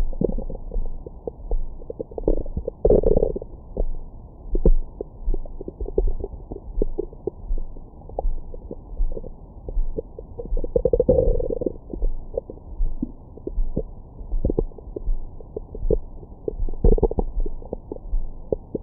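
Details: Stomach growling recorded over the belly with a Stemoscope stethoscope microphone after a large meal: continuous muffled gurgling and rumbling with brief squeaks; active, normal bowel sounds.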